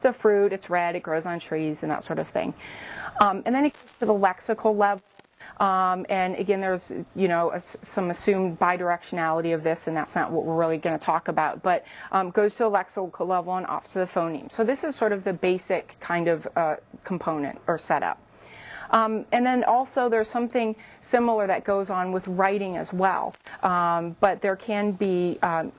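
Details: Adult woman speaking; typical speech.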